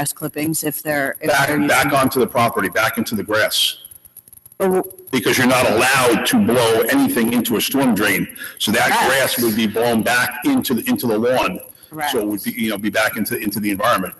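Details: Adult male; no speech disorder.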